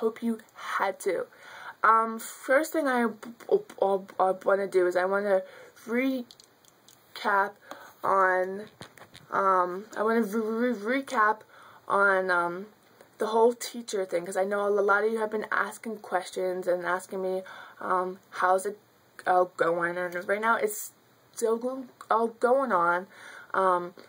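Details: Stuttering in an adult woman who has stuttered since childhood.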